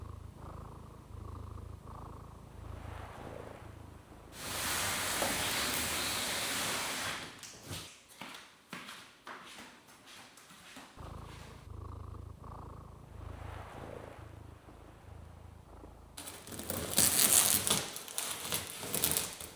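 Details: A cat sleeping on a rainy day, with a soft, rhythmic low rumbling snore interrupted by bursts of rain-like hiss.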